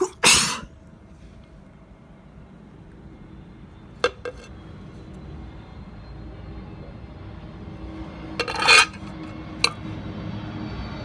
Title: reflected sneezing 💦